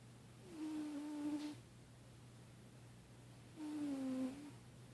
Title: Snoring cat